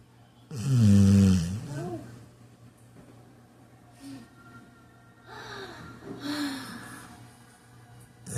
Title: this pup is snoring like he done put in a full day of work